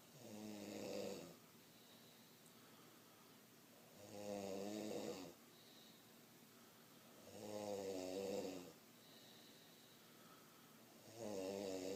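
Regular rumbling snores, about 17 a minute, with quiet pauses between breaths. Steady snoring.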